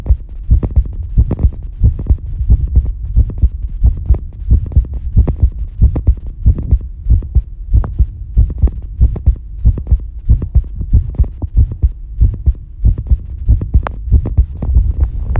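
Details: Heartbeat recorded while bathing, heart rate shown approximately: regular low thumping heartbeat, about 94 beats a minute, with a faint steady hum behind it; normal heart sounds.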